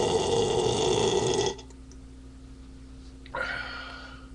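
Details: Adult man drinking beer, a long, loud, rumbling burp, a short pause, then a second burp; burping.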